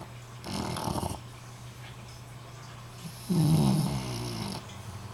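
Two loud, rough, rattling breath sounds with a low hum between them; snoring during sleep.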